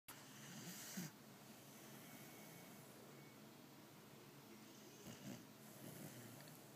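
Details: Pitbull dog snoring loudly enough to wake owner: two rough, snorting snores several seconds apart with quiet breathing between; dog snoring.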